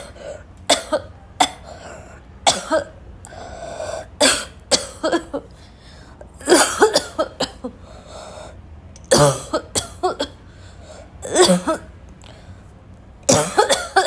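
Repeated harsh, barking coughs in clusters with gasping breaths between them; a prolonged choking coughing fit.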